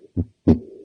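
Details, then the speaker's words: Diastolic murmur played for teaching, contrasted with a systolic ejection murmur: two heart sounds, the second followed by a sustained rumbling murmur filling the pause before the next beat. "there almost that harsh pound after s1 so it's one boom boom it's different from a murmur that is occurs as a systolic ejection where it's you know occurring between s1 and s2"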